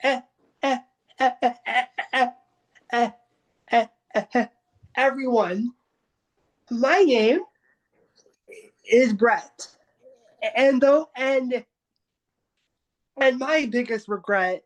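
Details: Adult who stutters, taking part in a stuttering support meeting, with repetitions and filled pauses; stuttering.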